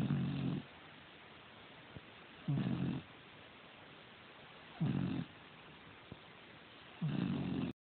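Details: Low rumbling snores with each breath, about 25 a minute, quiet between; steady snoring during sleep.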